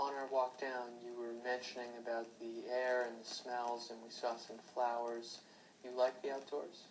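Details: Adult interviewer; normal speech.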